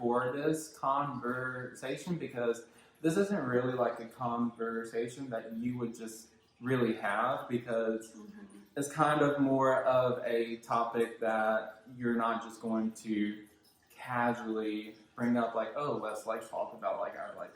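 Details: Male speaker with self-described verbal apraxia; childhood apraxia of speech.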